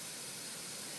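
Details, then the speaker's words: Steady continuous hiss of gas flow through nasal prongs from a SiPAP neonatal ventilator delivering nasal CPAP on a training mannequin. CPAP pressure, targeted around 5–6 cm H2O, is set by adjusting flow. Nasal CPAP gas flow hiss. "so I can Target my cpat pressure by adjusting the flow and that's a that's one of the key elements of the cath device"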